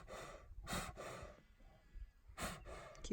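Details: Male lion resting in shade close to a safari truck gives two harsh, explosive bursts separated by raspy, breathy exhalations; coughing.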